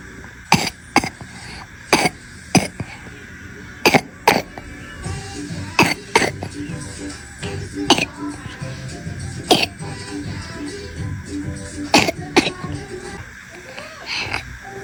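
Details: Girl with a pneumonia-related wet, productive cough and a throat full of phlegm, coughing weakly: about a dozen short, forceful moist coughs in pairs and singles over background music.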